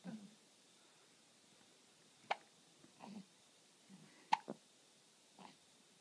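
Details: Hiccups: short, sharp, quiet jerky sounds recurring irregularly, about 30 a minute, in a quiet room.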